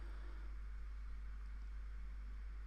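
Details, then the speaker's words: Endoscopic ear microsuction of hardened, crumbly ear wax with some dry skin in the ear canal: steady low roar of the suction tube as small pieces are sucked in. "you can see it's quite crumbly lots of little tiny pieces getting sucked in"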